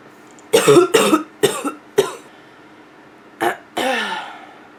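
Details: Nonstop barking cough from a female, with a little throat clearing toward the end: repeated harsh barking cough bursts.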